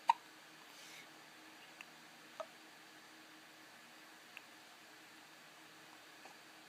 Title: Hiccups. 2014 08 25 00 51 28